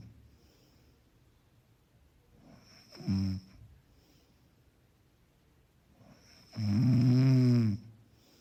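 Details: Background snoring track: two deep, vibrating snores on the in-breath, the second longer and louder, with quiet breathing between.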